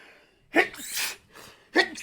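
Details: Acted sneeze while reading a story aloud: a sharp indrawn breath, then a loud explosive sneeze and a second burst, in the sneezing-while-reading trope.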